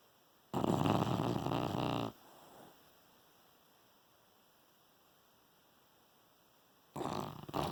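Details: Dog snoring while asleep, possibly dreaming: one loud rough snore of about a second and a half, a long quiet pause, then the next snore beginning, likened to a "fart machine"; snoring.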